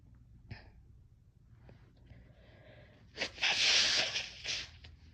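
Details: A few quiet catching breaths, then one forceful, hissing sneeze; sneezing.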